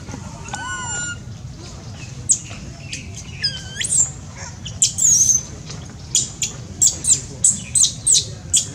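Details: Baby monkey crying loudly: repeated shrill, high-pitched squeals and screeches in short bursts, about a dozen; a young monkey's distress cry.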